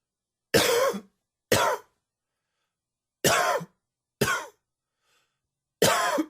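Five separate harsh cough bursts with silent pauses between them, an allergy-triggered coughing fit.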